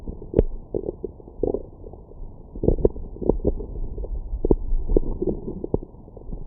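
Low gurgling and bubbling rumbles with irregular pops, typical of a growling stomach after eating; normal bowel sounds.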